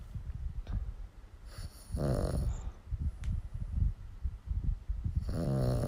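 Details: Sleeping dog snoring: low rumbling breath noises with a few louder snorting inhalations.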